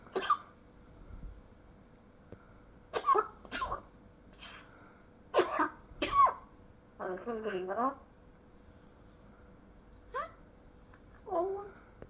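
An adult gives a series of short, sharp coughs with a brief spoken phrase between them.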